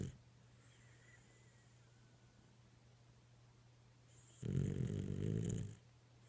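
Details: Dog snoring: a quiet room, then one low, rough, rattling breath sound lasting about a second.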